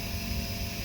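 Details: Nebulizer compressor switched on, mist already coming out, before the mask is fitted for bronchodilator or Pulmicort inhalation: steady low motor hum with a constant hiss, unchanging throughout; nebulizer compressor running.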